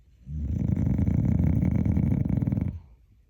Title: TIKTOK DOG. Каплер храпит как боров .Kapler snores like a hog .